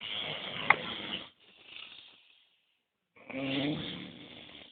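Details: Two harsh, raspy breath sounds separated by a silent pause, snoring likened to a stray dog's; snoring.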